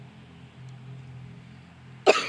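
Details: Quiet room, then a single harsh, abrupt cough burst from an adult man who says he has gotten himself sick this week; he remarks it really sucks, telling himself to breathe.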